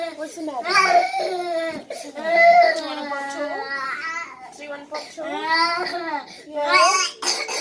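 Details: One-year-old boy waking up crying and not settling for about 10 minutes; parent guesses teething or growing pains: sustained distressed crying with sobbing breaths and wailing rises; inconsolable infant crying.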